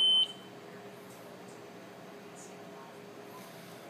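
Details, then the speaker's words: Zoll E Series monitor/defibrillator powered on while holding the left soft key to enter system utilities: a brief high electronic power-on beep, then a steady low hum with faint clicks. "And then what you'll do is you'll access the Z system utilities by holding the left soft key and powering the monitor on. It'll take a second."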